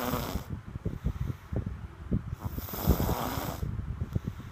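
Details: Snoring: irregular, low, fluttering snorts and rumbles during breathing, with some rustling noise.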